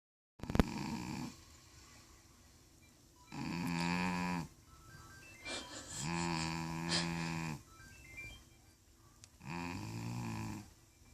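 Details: 14-year-old female cat that has started snoring in old age: loud snoring while asleep.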